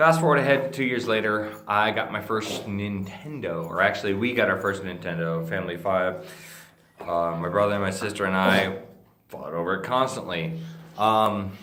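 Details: Ataxic dysarthria in an adult male with Friedreich's ataxia, a degenerative neurologic disease that he says slurs his speech and impairs swallowing.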